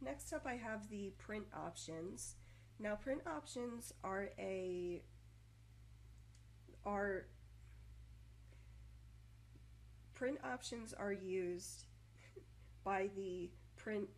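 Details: Adult woman who stutters, usually moderately, recorded in 2014 while on prednisone for health problems, which worsened her stuttering beyond her control; pausing, blocks, repetitions and over-enunciation from trying not to stutter; stuttering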